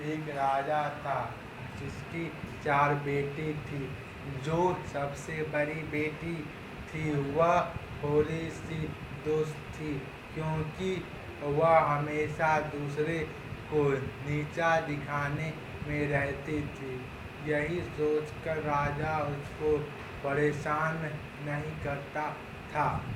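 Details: Stammering (stuttering) in Hindi speech by a client of a stammering therapy centre, with word and part-word repetitions, likely after therapy.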